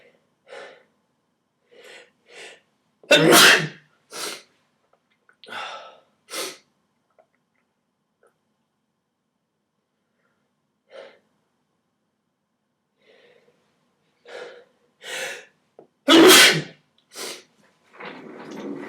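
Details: Sneezing in a person who is tired and somewhat sick, wearing a jacket in a cold, unheated winter apartment: two loud, explosive sneezes, each preceded by short indrawn breaths, with quieter snuffling between.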